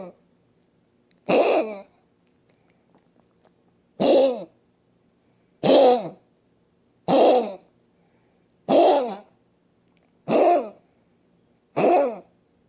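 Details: Elderly female Maltese dog with end-stage (IRIS) chronic mitral valve disease, history of syncope, on multiple cardiac drugs: seven harsh, honking, evenly spaced coughs, a cardiac cough.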